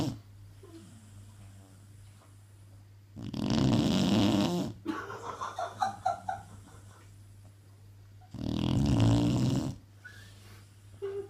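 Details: Snoring.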